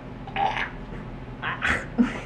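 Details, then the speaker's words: A dog gives several short, guttural hacking bursts, coughing and retching as if about to vomit, while the owner urges it to cough it out; cough / retching. "yo what are you coughing up if you're gonna throw up just throw up cough it out"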